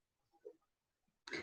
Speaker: sorry if you can hear my dog snoring